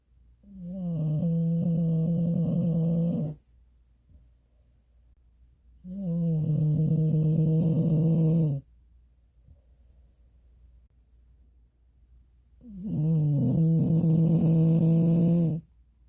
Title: #shorts Have you ever heard a dog snore this loud?